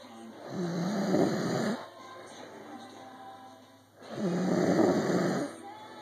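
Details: Snoring: two long, rough, rumbling snores about two seconds apart, with a faint steady background hum.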